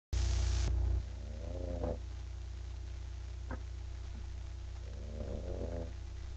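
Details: Sleeping bulldog: after a loud opening noise, two low, rattling snoring breaths over steady background hum; snoring.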